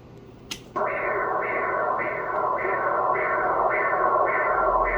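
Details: Transcranial Doppler of a 7-year-old girl referred by her pediatrician after a severe crisis, insonating the V4 vertebral segments and basilar trunk: rhythmic whooshing pulses about 110 a minute, each a rising swish fading through the cycle; normal vertebral artery flow signal.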